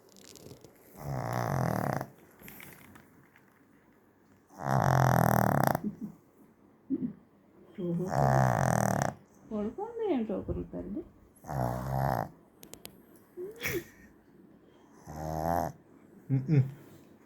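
Loud, rough, rattling breathing sounds recur every few seconds with quieter gaps between: snoring in a sleeping dog.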